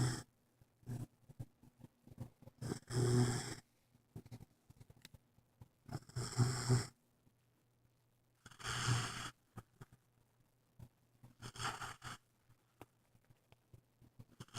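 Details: Samson, a new pet dog, snoring rhythmically about every three seconds, roughly 20 per minute, with soft clicks and snuffles in between.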